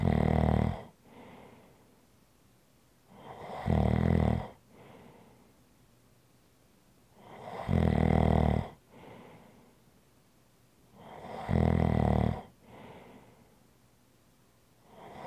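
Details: Snoring recorded for relaxation ASMR: loud, low rattling snores on each in-breath, with softer out-breaths between, about 15 breaths a minute in a quiet room.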